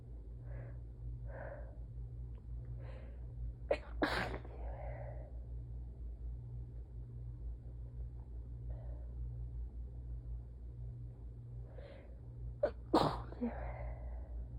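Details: Messy, tired, itchy sneezing fit: soft catching breaths build to two sharp, explosive sneezes with sniffs in between, over a low room hum.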